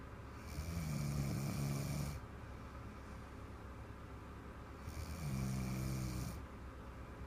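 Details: Little girl's big snore: two loud, rough, rattling snores on inhalation with quiet breathing between them; strong snoring.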